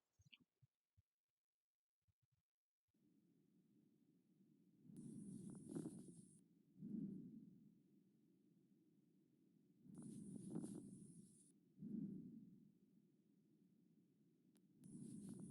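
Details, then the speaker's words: Stethoscope auscultation in idiopathic pulmonary fibrosis: slow breath cycles with dry, velcro-like fine crackles bursting near the end of inspiration. "dentro de lo que es la auscultación podemos encontrar crepitantes secos tipo velcro. Estos crepitantes secos vamos a intentar escuchar cómo los vamos a escuchar a la auscultación."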